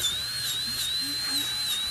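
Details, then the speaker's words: Adult patient's teeth polished right after braces removal, using a dental handpiece run as slowly as possible because teeth may be sensitive: steady high-pitched whine with faint room noise. "Chad is getting his teeth all polished up. Well, even though the sound is a dental handpiece, we don't have to run this at super high speeds."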